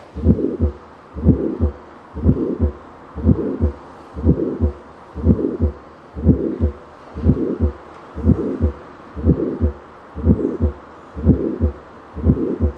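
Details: Heart murmur heard over the apical (mitral) focus: a regular heartbeat at about 60 a minute, each beat carrying a loud rushing systolic murmur.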